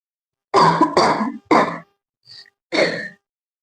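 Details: Girl deliberately coughing and clearing her throat for a challenge, continuing until her throat starts to hurt: several forceful voluntary coughs and throat clears with a brief pause.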